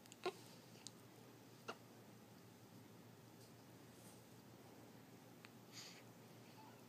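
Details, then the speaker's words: Hiccups in a baby girl in her first week of life: a few faint, sharp, brief catches in a quiet room, about three in seven seconds. "Baby has the hiccups. Uh-oh."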